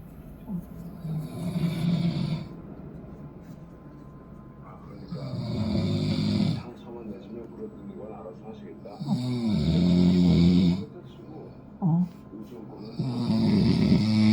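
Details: Combined snoring of a napping father and his long-haired Chihuahua: loud rough snores in long drawn-in bursts with quiet gaps, about four, with a lighter snore mixed in.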